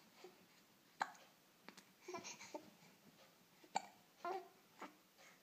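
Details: One-month-old baby boy with infant hiccups: soft, sharp little catches with fussy, angry-sounding baby grunts between them.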